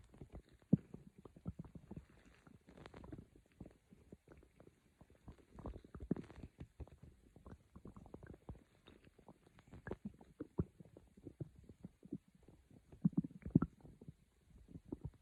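Soft, irregular low gurgles and rumbles from the belly, continuing throughout; ordinary bowel sounds.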